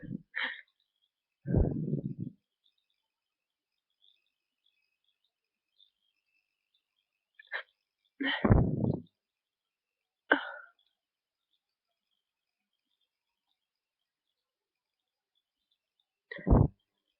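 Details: Several sharp inhaled catches, then three forceful sneezes with quiet pauses, then heavy breathing and breath hitching from a stuck sneeze; the person has a nose tickle and is probably getting sick. Repeated sneezing.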